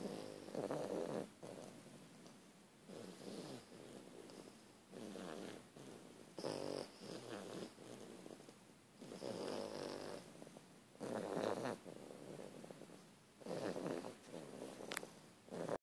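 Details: Two loud sleepers snoring: soft, rhythmic, snuffly snoring rising and falling with each breath, about fifteen breaths a minute; ordinary sleep snoring.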